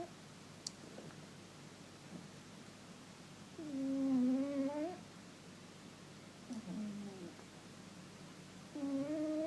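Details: Snoring from a pet cat, which the owner says happens sometimes. Finding: snoring.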